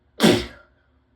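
One sudden, loud, explosive burst of air that fades quickly: a single wet-sounding sneeze.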